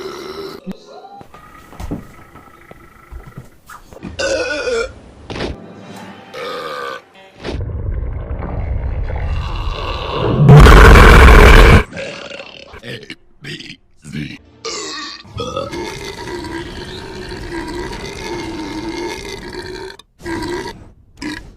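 Several loud cartoon belches, deep and rumbling, mixed with grunts, voices and music.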